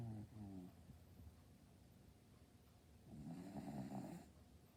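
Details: Boston terrier snoring: loud, rattling, low-pitched snoring breaths from the sleeping dog in a quiet room.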